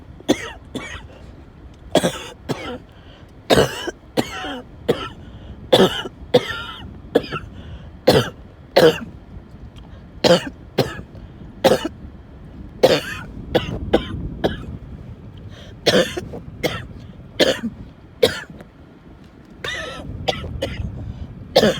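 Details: Coughing fit in the car, with wheezing and choking episodes reported; about two dozen harsh, repeated coughs with strained, wheezy breaths between them.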